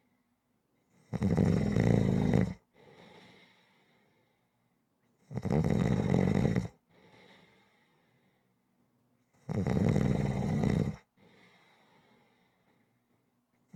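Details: Loud regular rattling snores on each in-breath, about 14 a minute, with a softer out-breath between; rhythmic snoring.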